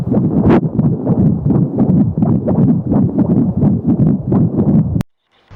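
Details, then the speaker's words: Rhythmic whooshing pulses from an AngelSounds pocket fetal Doppler placed on an adult's own chest, regular normal heartbeat about 85 a minute. "Okay, now this is the box. Put it on my chest and you will be able to listen to my heartbeat."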